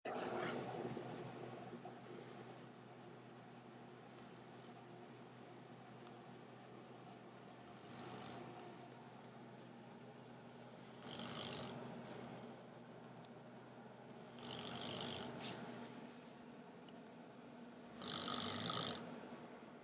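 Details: Loud, harsh snoring breaths recurring roughly every three and a half seconds, about 17 a minute, over steady room hum; atrocious snoring.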